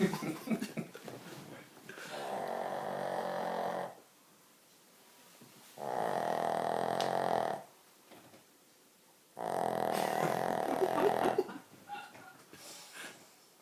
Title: Dogs snoring